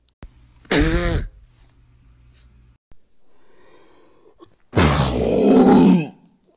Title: Sneeze Montage (MUST SEE!)